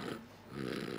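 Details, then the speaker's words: Snoring imitated on purpose for a TV game-show quiz: a short, rough, rattling breath noise, not real sleep. "salah satunya adalah mendengkur atau ngorok yang diakibatkan terhambatnya udara yang datang dari mulut dari hidung menuju ke kerongkongan atau tenggorokan Bagaimanakah suara tidur ngorok ya Allah"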